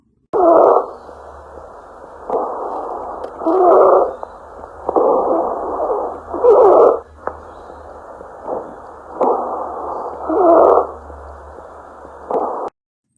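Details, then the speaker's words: Pleural friction rub: rough, grating, crackle-like creaking that recurs with each breath, produced when the two pleural layers rub together in close contact. "pleural ruido similar a un crujido originado por el roce de ambas pleuras cuando quedan en íntimo contacto"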